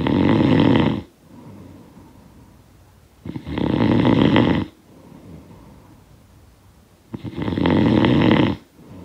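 Three loud, harsh snores on breathing in, about 16 breaths a minute, with quieter breathing out between, typical snoring.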